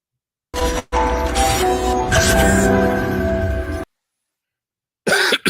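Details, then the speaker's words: A few short, harsh coughs from an adult man who blames the weather, partly masked by loud background music. "Excuse me. This weather is getting the best of me. Welcome to Outlaw Radio. It's the Hump Day edition. I hate to come in coughing on you all."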